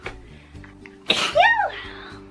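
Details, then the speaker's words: Woman with a sneezing issue (allergies/sinuses, lost voice): a quick breath in, then one sharp, explosive sneeze with a voiced 'choo', soft background music. "I have a sneezing issue I'm sorry guys Lana was like jumping light y'all come down oh here she go sneezing excuse me gosh that was powerful"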